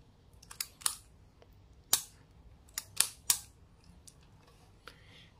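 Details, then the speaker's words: Several sharp spring-loaded clicks and snaps of a lancing pen being cocked and fired, from a Sinocare Safe Accu blood glucose meter kit. "Mình sẽ lên và mình bấm nút này thì nó sẽ bấm"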